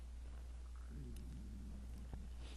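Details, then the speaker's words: Low rumbling gurgle over steady hum from an adult who had not eaten properly; stomach growling (borborygmi), a normal digestive sound. "you didn't hear that that was my stomach growling see how hard I work on this site I don't even eat properly"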